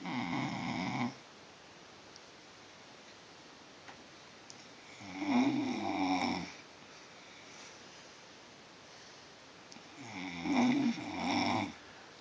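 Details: Three loud, rattling inward snores about five seconds apart, roughly 11 a minute, with quiet pauses between: snoring.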